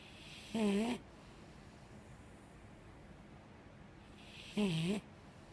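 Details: Two short, buzzing, voiced snores about four seconds apart over quiet room noise from a five-year-old female Mastiff sleeping, snoring unusually softly; snoring.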